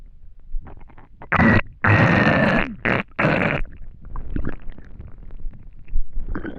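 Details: Empty, hungry stomach after not eating for a day: several loud gurgling, growling rumbles with quieter bubbling between, ordinary hunger borborygmi (stomach rumbling).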